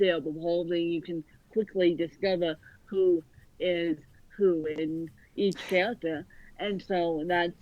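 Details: Adult woman born with cerebral palsy affecting both sides of her body; speech largely unintelligible to automatic transcription; dysarthria (cerebral palsy).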